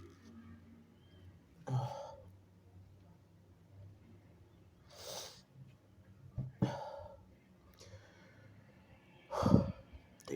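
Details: Four harsh, forceful sneezes, some with a sharp intake of breath beforehand, over quiet room noise, from a sick nonbinary person (he/they) who is having very harsh sneezes and some coughing.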